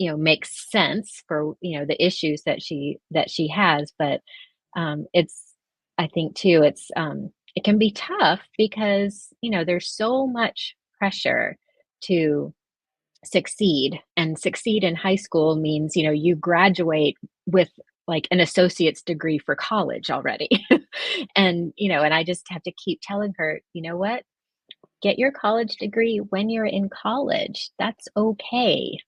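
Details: Adult woman born prematurely who spent about 5 months in the NICU, mostly on a ventilator with oxygen; she has vocal cord paralysis caused by the ventilation; vocal cord paralysis.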